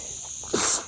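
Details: A person relaxing in a hammock outdoors: a single short, hissing sneeze after a moment of quiet outdoor noise.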